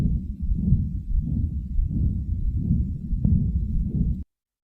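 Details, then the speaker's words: Regular heartbeat near 90 a minute with a soft whooshing systolic ejection murmur of atrial septal defect, from left-to-right shunting with increased pulmonary blood flow. "So for the pathophysiology, it's left to right shunting and increase the pulmonary blood flow over time, potentially causing right heart volume overload. In the auscultation, we will hear a soft systolic ejection murmur."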